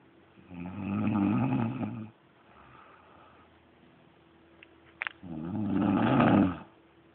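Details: Snoring: two loud, rough, vibrating breaths about four seconds apart, with quiet breathing between.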